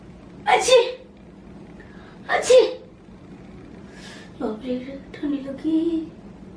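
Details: Acted comedy skit on types of sneezes: a girl who says she has caught a slight cold gives two sharp, explosive sneezes a couple of seconds apart, then brief voiced sounds, in a small room.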